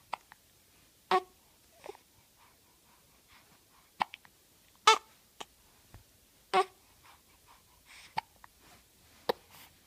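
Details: Brief sharp gulping clicks repeating irregularly, about 6 in 10 seconds, in a quiet room; hiccups.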